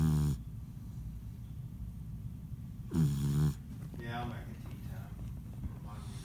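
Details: Sleeping after playing hard, this 'little man' gives two short, low rumbling snores about three seconds apart with soft snuffling between them: snoring.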